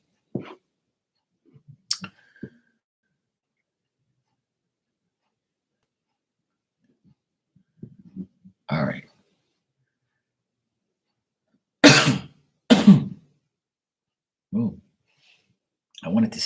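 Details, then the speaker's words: Person who meant to sneeze but ended up coughing: scattered short, harsh cough bursts, with two strong coughs close together midway, and a dog snoring and grunting in the background. "wanted to sneeze, but I ended up coughing. That was weird."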